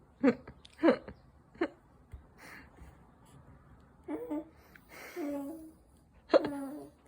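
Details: A 5-month-old baby sneezing while sitting: a few small, sharp infant sneezes mixed with soft breaths and baby sounds indoors; an ordinary baby sneeze.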